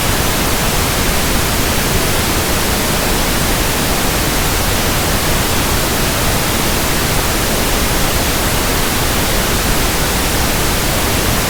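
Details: Simulated tinnitus: steady, even hiss of soft pink noise static with no change throughout, for matching a constant hissing tinnitus sound.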